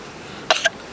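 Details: Goat coughing, a single short harsh cough in two quick bursts, sounding strikingly human; onlookers wonder if it has a cold: cough.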